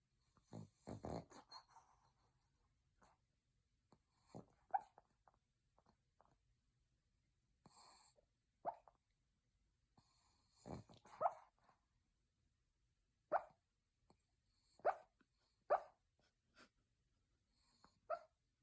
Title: A deep sleep pug with eyes opened and cute snoring